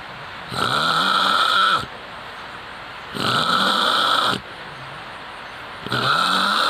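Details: Three long, rough, rattling breath sounds about every 2.7 seconds, roughly 23 a minute, with quieter gaps between them. Snoring.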